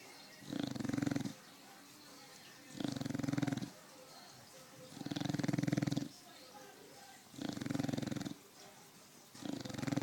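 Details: Loud, rhythmic, rattling snores about every two seconds, roughly 27 breaths per minute, with quiet pauses between: ordinary snoring.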